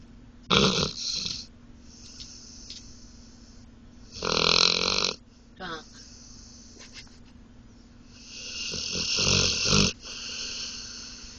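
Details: Asleep in a car after a long day of trying to escape its cage: irregular rattling, snorting snores of varying length with quieter breaths between; snoring during sleep.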